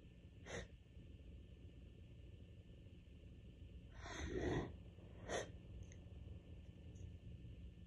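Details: Two or three itchy allergy sneezes, with a breathy build-up before one, in a quiet room at bedtime during a week of bad allergies.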